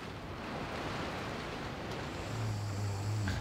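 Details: ASMR ambient mix: a single low, rumbling snore on a breath in from a sleeping person nearby, partly masked by rain on a skylight and scribbling.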